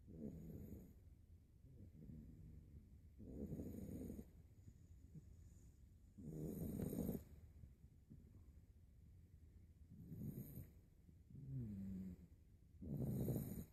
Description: This 8 week old puppy played hard and slept hard...passed out and sawing logs!